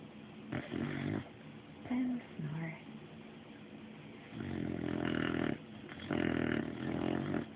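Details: Sleeping 1-year-old female Olde English Bulldogge, described as congested, possibly dreaming: soft snorting and rumbling snores, two longer snores after a few short noises, in a quiet room; snoring.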